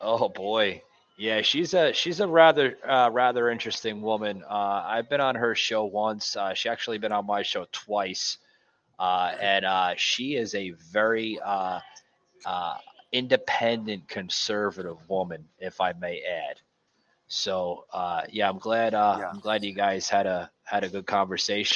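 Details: Adult male speaker; Normal speech.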